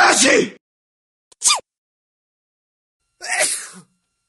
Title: Sneeze Sound Pack - 10 Version